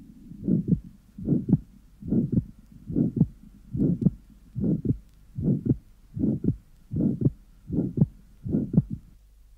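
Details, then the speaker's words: Atrial septal defect, breath held in full expiration: wide fixed split second heart sound, loud pulmonary component delayed about 0.04 seconds after the softer aortic component. "now listen to the same case with with the breath held in full expiration the loud pulmonary component is delayed 2.04 seconds after the softer aortic"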